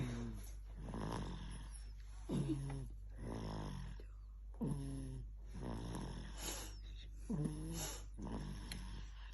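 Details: Snoring.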